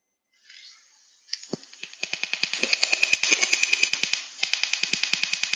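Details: Laser osteotome (CARLO robotic system, handheld mode) making a first cut line in bone: system beep, then rapid regular sharp crackling pops, about 200 a minute, from tiny micro explosions.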